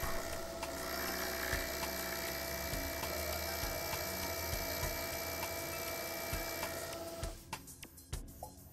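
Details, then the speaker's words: Thread core drill M1.6 running at 1,800 rpm with irrigation, drilling 3 mm into a punch-marked abutment center during Ankylos implant repair. Steady whirring motor hum with a constant tone, ending in a few sharp clicks. "align the drill according to the implant axis and drill at a speed of 1,800 rpm with good irrigation apply sufficient pressure with the drill in order to observe clear chip formation"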